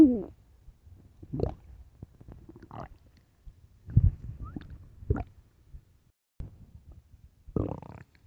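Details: Late-night stomach growling: irregular low gurgles and rumbles with occasional squeaky bursts, ordinary borborygmi.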